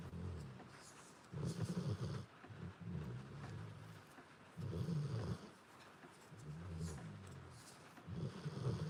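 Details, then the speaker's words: Low, rumbling snores from a sleeping dog in repeated bursts about every one to two seconds, with faint rain and frog sounds in the background. "Hopefully you can hear it over the snoring. If not, sorry. Not sorry to listen to cute doggy snores."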